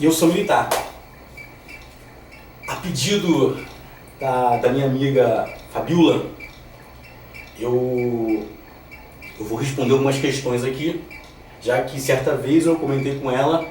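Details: Stuttering since childhood in a 34-year-old man who is the son and grandson of stutterers, reduced over time; a word repetition is heard.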